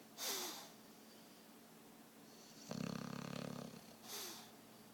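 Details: Buster, a sleeping animal: two brief snorting breaths bracketing a longer buzzing rattle, super loud snoring in a quiet room.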